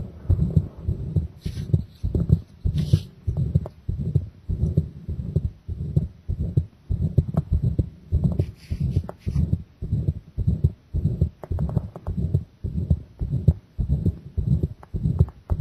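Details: Own heart recorded with pressure applied to the chest, already pounding from the start: fast, forceful heartbeat about 100 per minute, heavy low thuds with brief rubbing noise; pounding heartbeat.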